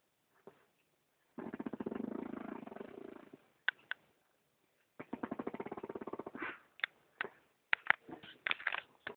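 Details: Friend snoring loudly, like a tractor: rattling, motor-like snores, two long drawn-out breaths of rapid vibration separated by a pause.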